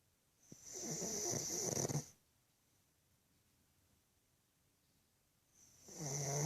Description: Cute pug snoring loudly as she sleeps.